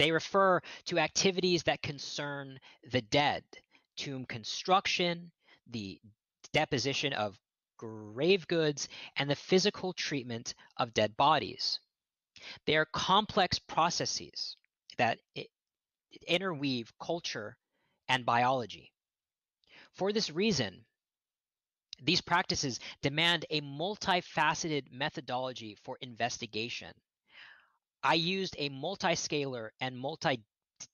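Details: Real stuttering in an adult man who states he is a person who stutters, heard during a lecture he is giving.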